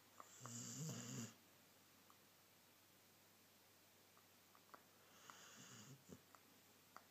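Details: Dog snoring while lying like a human: two soft, snorting snores with quiet breathing between and small clicks in the room.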